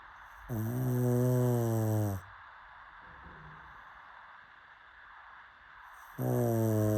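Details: Two long, loud, tonal droning snores separated by a quiet pause, with steady background hiss, from sleeping pug dogs; dog snoring.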